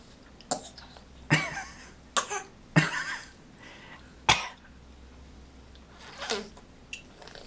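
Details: Child acting sick with a "sickly" cough: about five short, harsh coughs and throat clears over seven seconds, some with a brief rough tail, against faint room noise.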